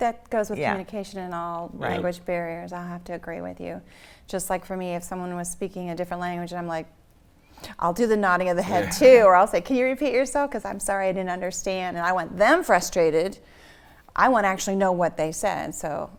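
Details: Adult woman speaking; normal fluent speech.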